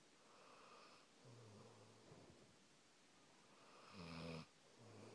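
Soft, low rumbling and whistling breath sounds repeat with breathing, consistent with quiet snoring.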